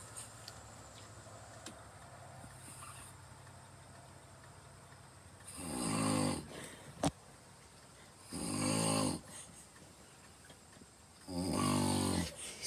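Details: Three loud, rough snores on breathing in, about 20 breaths a minute, with quiet room noise between; ordinary snoring.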